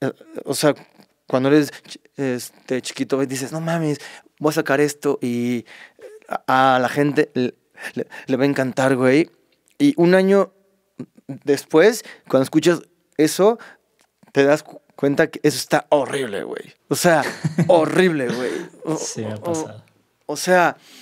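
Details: Stuttering in a Mexican male singer who has stuttered since early childhood and cannot remember speaking without blocking; he reports no stuttering when singing and stuttering less when drunk.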